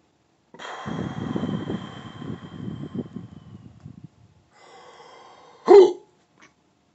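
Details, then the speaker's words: Hiccups in a person doing a self-remedy of three to five deep held breaths while pressing under the rib cage at the soft sternum area; strained breathing and groaning, then one sharp hiccup catch. "oh ugh all right i think i got him to stop take a couple breaths in now just a couple remnants of them and that's how i get rid of the hiccups"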